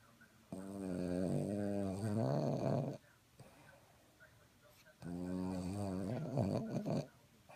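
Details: Mtbl, a dog, snoring in sleep: two long, loud, rattling snores about two seconds each, with quiet breathing between; snoring.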